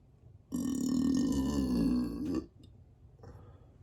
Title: Burps on command and bloat (rubs needed)